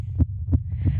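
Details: Recording of a girl's very fast, excited heartbeat picked up by a microphone: regular low thumps about 0.33 seconds apart, roughly 180 a minute, over a steady hum.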